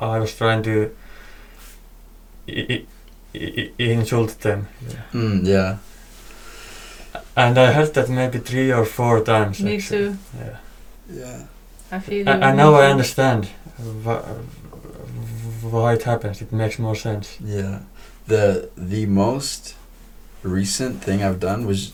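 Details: Male podcast speaker who stutters; part-word and word repetitions; stuttering.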